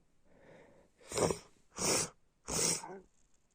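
A soft inward breath followed by three loud, explosive bursts about a second apart: a run of repeated sneezes.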